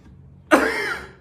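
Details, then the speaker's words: One sudden, forceful acted cough from a child in a classroom skit, short and harsh, fading over half a second, after holding it back. "pengen batuk, Bu. Udah gatal banget nih tenggorokannya, Bu."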